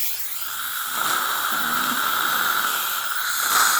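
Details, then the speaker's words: Dental air-water syringe rinsing the occlusal tooth surface after pumice cleaning, before sealant placement: continuous rushing hiss; dental air-water syringe. "Make sure that we get all remaining plaque off of the tooth. And we're going to rinse that tooth surface."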